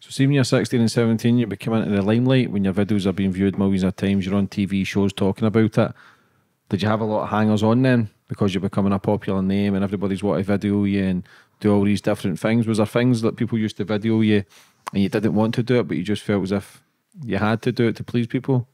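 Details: Adult male; typical speech.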